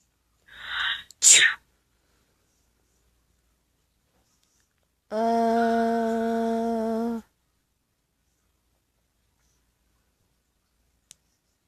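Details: Animated cartoon (simulated) sneeze of a popular kid in class: a quick indrawn breath, a sharp burst, then a long sustained hummed tone as an exaggerated sound effect; sneezing.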